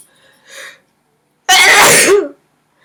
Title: Sneezer sneezing sneezes 2